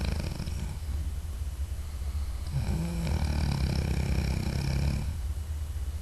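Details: Adult man (husband) snoring during sleep at night, audio only: a loud, low rumbling snore on one long breath over steady room hum.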